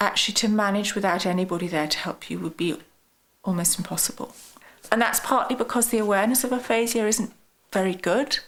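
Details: Adult woman speaking; normal speech.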